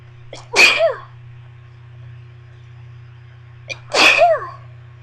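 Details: Sneeze fit induced with a bobby pin, about 30 sneezes in all, including 2 stifled sneezes and some nose blowing; this clip has two sharp sneezes, each after a quick short inhale, over low room hum.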